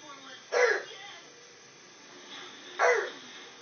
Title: Poor guy cant get a break from that cough